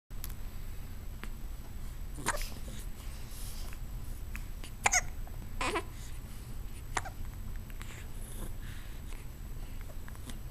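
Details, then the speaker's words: A few brief, sharp clicking bursts over steady low room noise: a dog's hiccups. "got the hiccups? You got the hiccups? You got the hiccups?"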